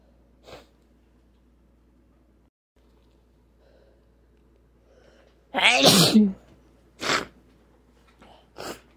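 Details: A burst of repeated sneezes in a quiet room, one long and loud followed by several shorter ones, into a handkerchief.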